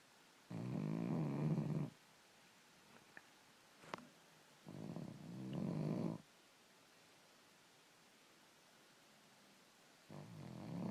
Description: 5-6 months old, and he can snore THIS LOUD! *egad*!!!!